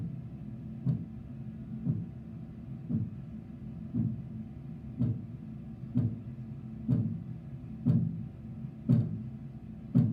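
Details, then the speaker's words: Regular soft tapping Korotkoff sounds about 58 a minute through a stethoscope over a low hum during blood pressure cuff deflation; the first sound marks systolic pressure. "so it's going to show you which quarter cross sound is when you're hearing the first one is the first sound here okay and that's your systolic number"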